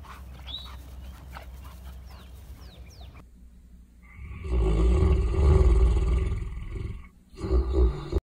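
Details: A sleeping Saint Bernard dog gives a long, rumbling, fluttering snore, with a second one starting at the end.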